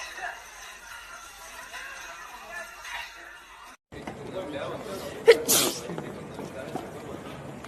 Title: #Armygirl💜 Maknae Line sneezing 💜😂!!!